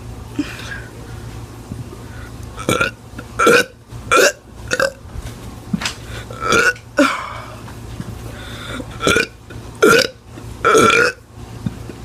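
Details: Teenager deliberately burping on camera: about ten loud, voluntary belches in a row in a quiet room, with brief talk between them.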